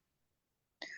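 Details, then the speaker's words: 15-year-old with a chronic cough, wearing a mask during an online consultation: after near silence, one sudden harsh cough burst, cut off at the end. "बस वही जो खांसी आप सुन रहे हैं वो चालू है 15 साल"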